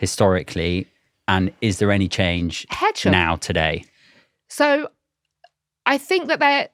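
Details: Adult male speaker, possibly a second higher-pitched speaker; ordinary speech.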